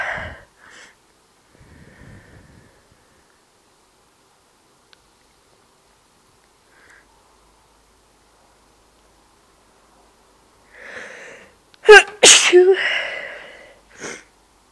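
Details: Long quiet stretch, then a sharp inhale and an explosive sneeze with a short follow-up burst near the end; ordinary sneezing.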